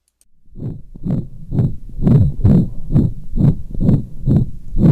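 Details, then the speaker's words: Dog with pulmonic stenosis, stethoscope slightly cranial over the pulmonic area: rapid heartbeat with a harsh crescendo-decrescendo murmur each beat; systolic ejection murmur. "that was another systolic crescendo decrescendo or ejection type murmur this time from a dog with pulmonic stenosis the only real difference between this murmur and the last one is the location this murmur being a little farther cranial over the pulmonic area"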